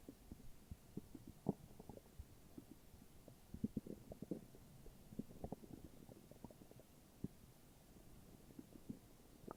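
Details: Morning stomach growling: soft, irregular low gurgles and rumbles over a quiet background; ordinary borborygmi from gas and fluid moving through the gut.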